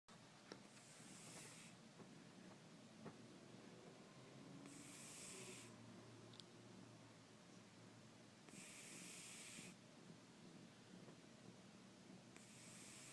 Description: Snoring cat